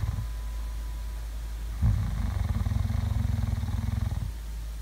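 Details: ASMR sleeping-sounds recording: a low, fluttering, rattly snore lasting over two seconds against a steady low background hum; snoring in sleep.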